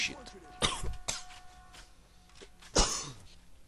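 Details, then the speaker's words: Adult's plain cough while gaming: about three harsh, abrupt cough bursts with faint steady game tones in the background. "že se chci omluvit za ten kašel ale nechci to v sobě dusit takže to uslyšíte v plný v parádě"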